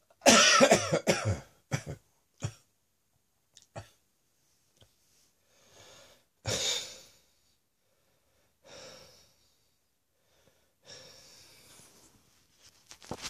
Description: Still coughing after my chest infection.